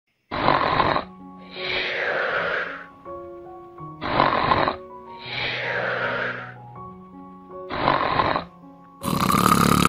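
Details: Sea lions snoring: loud, rough, rattling snores alternating with breathy breaths in a slow repeating cycle, over background music; snoring.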